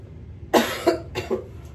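Three quick, dry coughs in a quiet room, from an adult with COVID-19.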